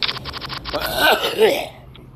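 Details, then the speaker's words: A quick string of short cough bursts, then a longer, rough, wet cough from an adult man who says he has cystic fibrosis and that mucus could be heard this time; a productive cough. "there's mucus that time so they stopped hacking my lungs so I could have mucus in it"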